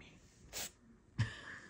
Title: Lady Astor nibble and sneeze